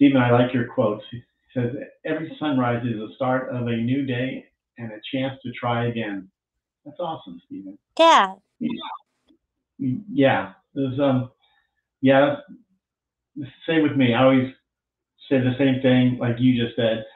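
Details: Adult speakers in conversation; typical speech.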